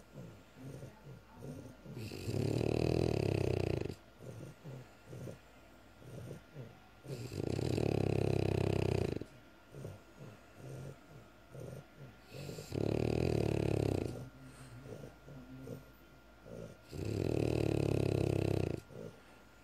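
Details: Loud, rough rattling snores on each breath, about 12 a minute, with snuffly breathing between: heavy snoring in a French Bulldog.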